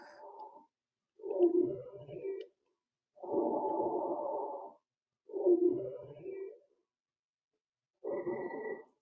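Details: Wheeze demonstrated in an EMT lung-sounds training clip on noisy breathing: breaths carry musical, whistling tones through each phase, wheezing from narrowed lower airways.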